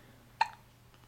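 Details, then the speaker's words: A single short, sharp voiced hiccup from a baby boy with big hiccups, in a quiet room, around tummy time; a common, harmless finding in babies. "yeah hiccups oh man those are some big hiccups"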